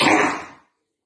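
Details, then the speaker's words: A single harsh, dry hacking cough from a dog with kennel cough, a highly contagious respiratory infection. "kennel cough spreads quickly especially in kennels kennel cough has a dry hacking sound if you hear this noise isolate your dog"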